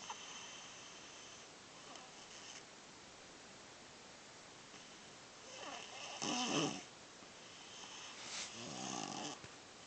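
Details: Faint rough breathing over a steady hiss, with a couple of louder snoring sounds near the end; snoring during sleep.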